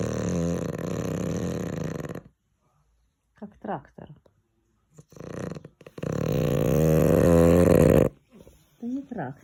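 Two long, loud, rumbling, rattling sounds on breathing in, with quiet gaps and brief soft sounds between them. Heavy snoring.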